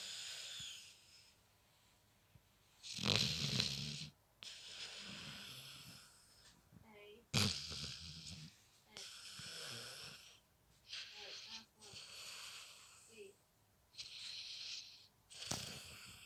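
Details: Loud, rough, rattling snoring breaths recur through the clip with quieter gaps between them, noisy snoring during sleep.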